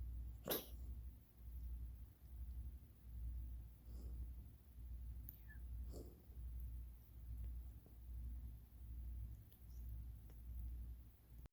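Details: Pet coughing, filmed for the vet: about three short, sharp coughing bursts over noisy, rhythmic breathing; owners suspect asthma.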